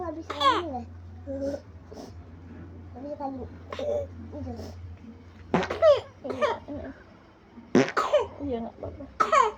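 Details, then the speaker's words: Young child, unwell and vomiting, coughs in a few abrupt bursts between whimpering sounds over low room hum; childhood cough. "Nggak apa-apa batuk."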